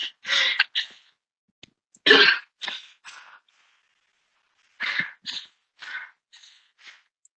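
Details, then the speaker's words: Female athlete, treated as asthmatic, after running hard: rapid, noisy, laboured breaths with a harsh musical edge. Prominent wheeze with distress and breathlessness after exertion. "and hopefully you can hear that prominent wheeze the distress the breathlessness and that's very typical of the type of case that we would see"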